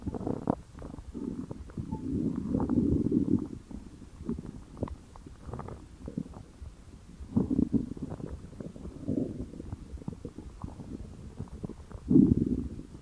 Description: And The Like Good Stomach Gurgle, This My Hungriness Good.